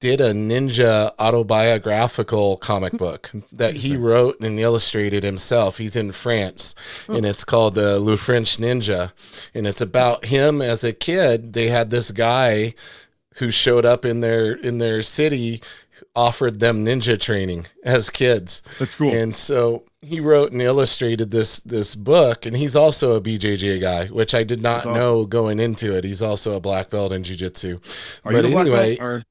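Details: Adult male speaker; normal speech.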